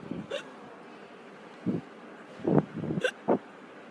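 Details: Several short, abrupt throaty jolts at irregular intervals, some with a sharp click, against quiet room noise; hiccups.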